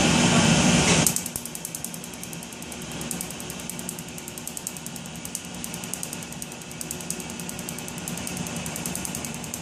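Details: Laser tattoo removal on the inner arm, 4th session of an estimated up to 12: rapid sharp snapping clicks about two per second over a steady machine hum as the laser fires pulses.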